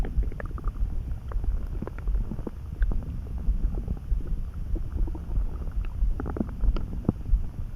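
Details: Stomach rumbling that began suddenly while neither hungry nor too full, felt in the pit of the gut and easing with a snack: continuous low rumbling with frequent soft gurgling pops; borborygmi.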